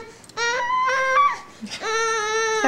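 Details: Six-month-old girl, very tired after a morning of tummy crawling and minutes from falling asleep: two sustained, clear-voiced cries with a brief whimper between them in a quiet room; ordinary fussy infant cry.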